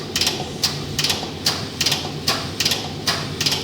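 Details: External counterpulsation (ECP) treatment start, cuffs on calves and upper thighs, ECG leads and finger pulse sensor connected: rhythmic mechanical hissing and clicking pulses, about 73 a minute, as the pump inflates and deflates the cuffs.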